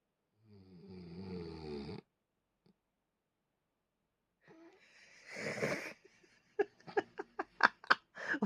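A deliberate, acted snore: a loud rattling inward snort, then a noisy breath and sputtering lip flutters.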